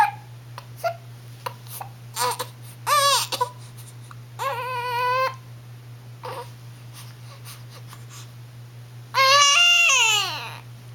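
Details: Infant aged 1 month and 1 week, sleepy and having hiccups: short whimpers building to fussy crying wails, with a steady low hum in the background; infant crying.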